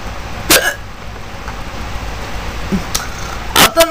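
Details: Person with hiccups over steady low vehicle noise: a few abrupt, sharp gulping bursts spaced irregularly.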